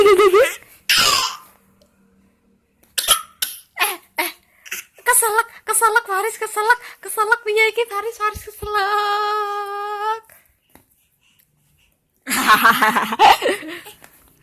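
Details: Baby's bursts of laughter and squeals with a few short coughs among them; baby laughing until coughing.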